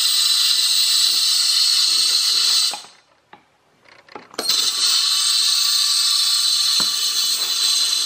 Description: Short video showing operation of the Dentsply Cavitron Plus Gen 131 dental scaler in operation.